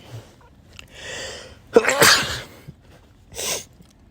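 A soft indrawn breath, then a sharp sneeze and a smaller one after it. Sneezing from pollen allergy.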